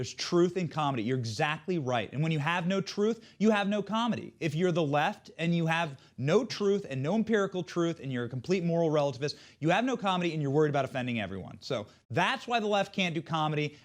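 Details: Adult man speaking; Normal fluent speech.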